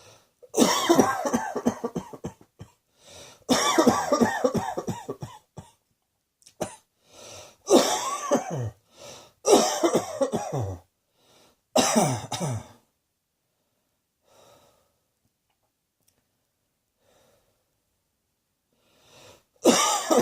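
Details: Repeated harsh coughing fits from an adult, separated by short pauses, then a quiet stretch: cough.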